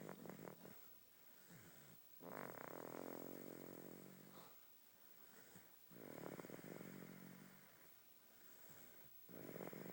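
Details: Slow, rhythmic snoring with rough, rattling in-breaths about every 3.5 seconds, roughly 17 a minute, and quieter out-breaths between: snoring.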